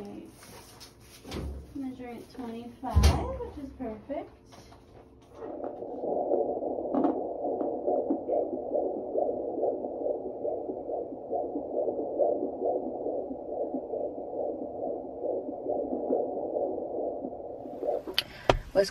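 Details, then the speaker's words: Fetal heartbeat on Doppler at a 24-week pregnancy hospital checkup (baby boy): after probe handling noise, rapid whooshing rhythm at about 140 beats per minute. "And we'll let y'all hear the baby heartbeat and see what the doctor gotta say."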